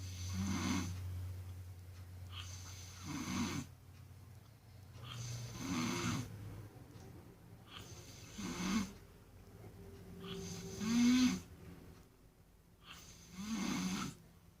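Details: Baboon snoring: soft rhythmic snores with brief fluttering noise, about 23 breaths a minute, over faint room hum.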